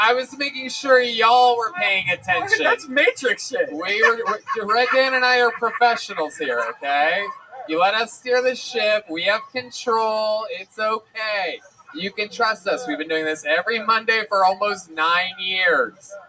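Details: Adult male speaker; normal speech.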